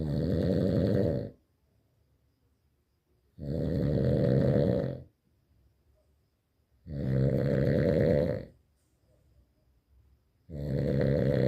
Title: Bu Horlama İle Nasıl Uyunur?🤣🤣🤣//Come and Sleep With This Snoring🤣🤣🤣